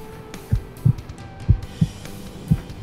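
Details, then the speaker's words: Heartbeat heard through a stethoscope the presenter puts to his own chest in the back of an ambulance: paired low thumps at a normal pace, and he says he is nice and healthy. "hear that yeah that's my heart beating I'm nice and healthy"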